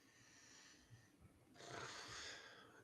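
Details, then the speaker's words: Adult gamer's dog snoring in the background during a live online show, picked up through the mic and described as pretty loud: snoring. "Can you hear my dog snoring in the background? Or is my mic thing cut?"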